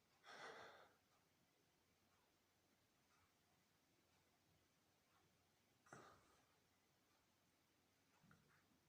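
Two sharp, explosive sneezes about five seconds apart in a quiet room, with a softer breath sound after.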